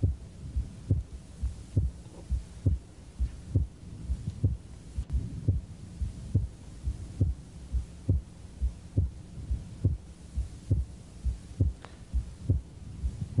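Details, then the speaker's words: Man with a nosebleed and right bundle branch block, regular heartbeat about 68/min; wide splitting of the second heart sound heard through both inspiration and expiration, widening and narrowing but never closing. "this fellow with a nosebleed has a right bundle branch block and wide splitting of his second Sam wide splitting means no matter whether he's inhaling or exhaling you can still hear splitting of the second sound"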